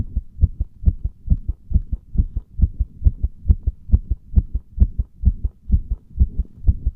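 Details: Heart sounds recorded under firm compression: deep, muffled, regular thumps, fast at roughly 135 beats a minute.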